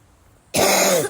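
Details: A single harsh cough running into throat clearing, part of a bout of repeated coughing the person can't stop.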